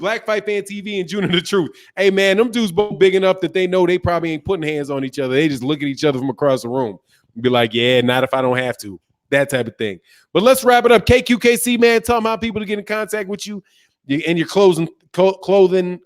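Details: Adult male speaker; normal voice.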